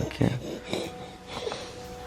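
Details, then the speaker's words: Noisy, snuffly infant breathing with wet rattling and whimpering at 4:30 a.m. as a crying baby girl, described as sick, can't breathe through her nose and keeps waking; nasal congestion. "He's breathing now? Sick. She can't breathe out of her nose."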